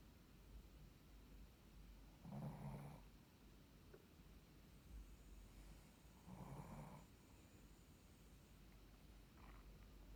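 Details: Sleeping Shih Tzu snoring with eyes open: soft, snorting snores about every four seconds over steady room noise; snoring.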